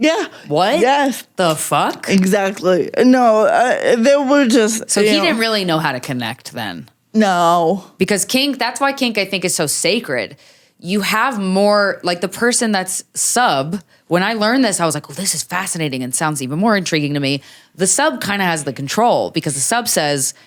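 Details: Adult woman with cerebral palsy, which she says mostly affects her speech and makes talking harder, and also affects fine motor skills and her walking a little; she uses no mobility aid. Finding: dysarthria due to cerebral palsy.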